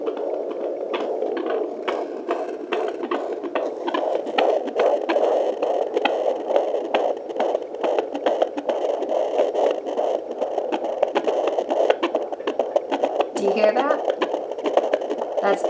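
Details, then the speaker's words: Fetal heartbeat at 9 months of pregnancy on a Sonoline-C 2 MHz pocket fetal Doppler: rapid, regular whooshing pulses, heard loud and clear, rate around 136 beats per minute. "baby right now the heart rate is now around 136 and you can hear him loud and clearly"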